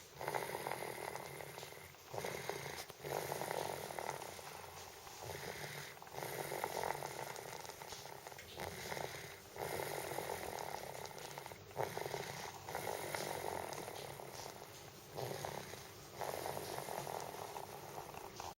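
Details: Sleeping cat snoring loudly at night, with steady rasping breaths at about fifteen per minute: snoring.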